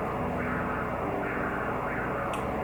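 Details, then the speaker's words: Transcranial Doppler in the office: steady rushing flow with gentle pulsing swells from the middle cerebral artery (mean velocity about 70 cm/s) and anterior cerebral artery (about 50 cm/s); a normal transcranial Doppler signal. "está apresentando na artéria cerebral média ou a velocidade média em torno de setenta e a cerebral anterior ao inventor de 50 centímetros por segundo a diferença é normal"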